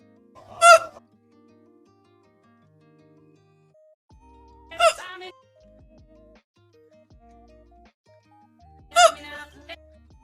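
Three brief, sharp, high-pitched voiced hiccup sounds, roughly four seconds apart, with quiet background sounds between them; repeated hiccups.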